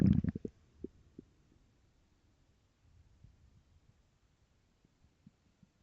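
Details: Person wondering if hungry; soft low gurgles and brief rumbles from the belly, loudest at the start. Stomach growling (borborygmi).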